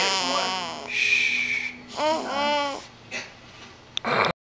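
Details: Baby described as asleep and not snoring, who sometimes makes these noises while eating: short bursts of high, wavering crying and fussing with pauses; infant cry.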